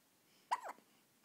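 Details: Baby with recurring hiccups: a single brief, squeaky, high-pitched hiccup in a quiet room; owner jokes the baby sounds like it swallowed a squeaky toy; hiccups.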